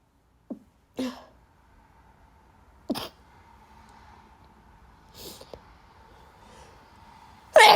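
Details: Person with bad allergies: several short, sharp nasal sneezes separated by quiet pauses, louder one at the end; repeated sneezing.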